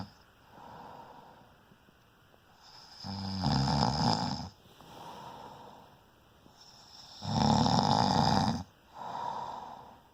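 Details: Person snoring in sleep: loud, coarse rattling snores on each in-breath with softer out-breaths between, about 13 breaths per minute.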